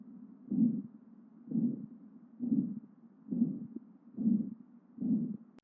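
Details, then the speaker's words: Regular heartbeat at about 67 a minute with a steady blowing murmur between S1 and S2 that fills all of systole at unchanging intensity: a holosystolic ventricular septal defect murmur, from left-to-right shunting. "Соответственно, мы будем слышать шум между S1 и S2. Он будет голосистолический, то есть его интенсивность не будет меняться на протяжении всей систолы."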